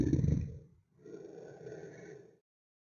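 Slowed cartoon snort: a loud rough snorting breath, then a longer drawn-out rumbling exhale, from a game character rather than a real person.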